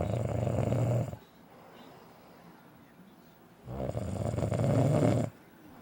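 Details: An adult husband snoring loudly every night: loud, rumbling snores on two in-breaths, with quiet breath-out pauses between them.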